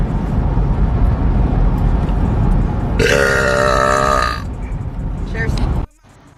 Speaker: Cheers Cheers cheers so full that was actually a pretty good one